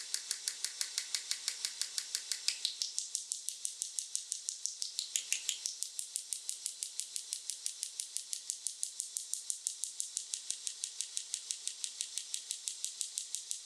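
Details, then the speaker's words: Extracorporeal shockwave therapy device demonstrated on a patient after gel is applied, before treatment: rapid, regular sharp clicking taps at about two per second. "“Tôi sẽ sử dụng sóng xung kích ngoại cơ thể. Âm thanh sẽ hơi to một chút.”"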